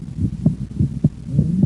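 Three heart cycles of low thumps in quick pairs, at roughly 100 beats a minute, with a faint hum beneath. The second sound of each beat splits with breathing, widening on inspiration and closing on expiration. This physiologic splitting is a normal finding.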